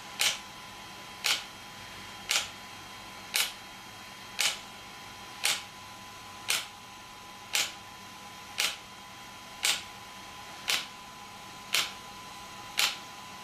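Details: Sharp regular clicking pulses at about 57 a minute, from an ESWT shock wave therapy device used on a patient for joint, muscle and bone pain relief.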